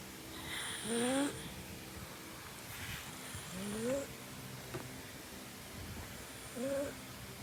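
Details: Pug snoring while asleep in a sitting position: three rising, whistling snores on the in-breaths.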